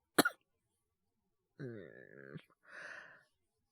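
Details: Acted by a male voice actor: one short cough, then a drawn-out groaning breath and a sigh, from a student character who feels cold and sluggish after falling asleep and thinks he has caught a cold.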